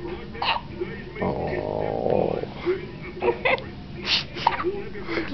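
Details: Newborn baby girl at birth, tired and hiccuping repeatedly; several brief, abrupt catches in breathing with adult voices and room noise behind; hiccups.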